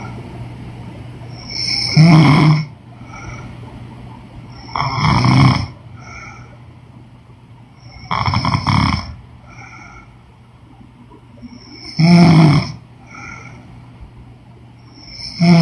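Loud, rattling snores with each in-breath, about 18 a minute, separated by quieter breathing; typical snoring during sleep.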